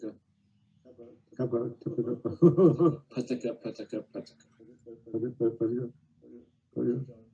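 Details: Hypokinetic (basal ganglia) dysarthria, of the kind commonly seen in Parkinson's disease; hypokinetic dysarthria.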